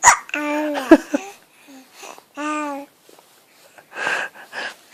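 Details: Infant girl hiccuping while babbling and cooing as if trying to talk; her voice is broken by abrupt, short hiccup catches.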